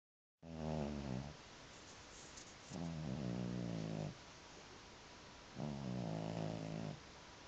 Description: This is my cat Murdoch snoring. He was louder than the TV.